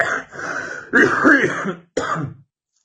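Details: Adult man talking about the film Pulp Fiction breaks into a coughing fit: a run of harsh, rattly coughs and throat-clearing in quick succession.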